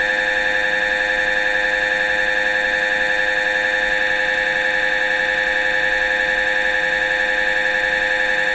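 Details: MRI scanner running a scan sequence: loud, steady buzzing tone pulsing about 80 times a minute.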